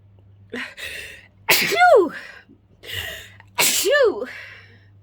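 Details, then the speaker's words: Sneezing induced by chhinkni snuff powder placed under the nose: two sneezes, each a short breathy intake then a loud explosive burst with a high voiced cry. "to everybody who says bless you every time thank you so much um i love it when people bless you when you sneeze"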